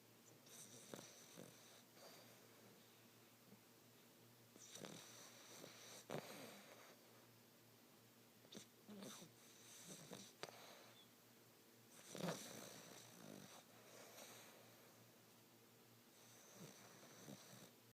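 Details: Soft, faint snoring breaths with a slight whistling edge, about every four seconds, against quiet room noise.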